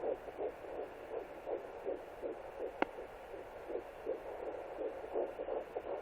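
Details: Rapid, regular whooshing fetal heartbeat at about 165–170 beats per minute at 11 weeks 0 days of pregnancy, recorded with a Sonoline B pocket fetal Doppler.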